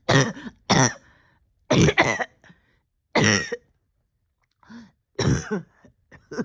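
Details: Persistent cough lingering about a year after a significant illness, with ongoing breathing difficulty: about six harsh coughs, some paired, with throat clearing between in a quiet room.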